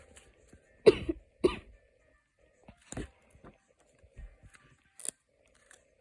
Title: Miraculous Comic Books (Sorry There is Coughing In it 😢😷)